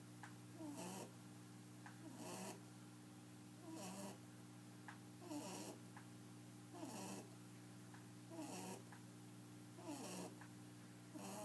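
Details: An 11-year-old albino rabbit snoring loudly while asleep, often with eyes open: rhythmic, rough, raspy, snuffly breaths about 40 a minute over a steady low room hum; loud enough to keep the household awake.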